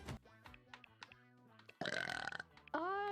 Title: Cute streamer with deep burps